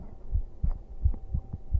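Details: Soft, muffled, regular heartbeat of a man streamer, paired low thumps about 70–80 per minute over faint room hum, heart sounds for listeners falling asleep.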